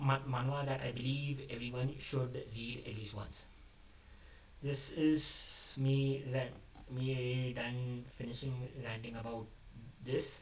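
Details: Adult male who describes himself as a stammerer, speaking off the cuff after abandoning a script, which he says increased his stammering; word repetitions audible; stuttering.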